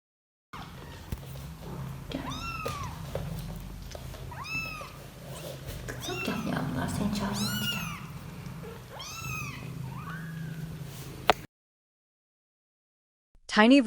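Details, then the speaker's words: Kittens calling for their mother: several small, soft, high-pitched mews over low room noise, an instinctive, warm call, not panic or pain. "子猫が泣いて、お母さんを呼んでいます。小さな声、柔らかくて甲高い声。"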